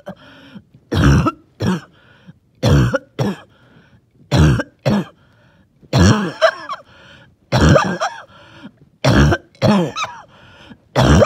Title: Wheezy, Phlegmy cough